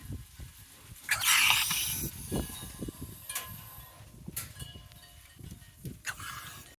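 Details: An animal makes a few harsh, hissing gasps at irregular intervals against a low, rumbly background: gasping.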